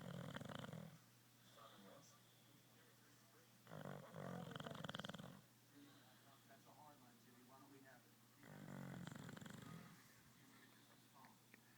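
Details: Sleeping bulldog snoring: three loud, rough, rattling breaths at irregular intervals, with quieter breathing between them.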